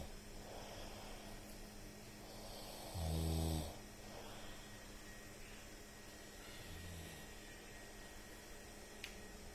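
One loud low snore and a fainter second one over steady room hiss; snoring during sleep.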